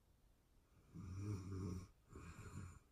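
Two low, fluttering snoring breaths in quick succession from a sleeping person; ordinary snoring.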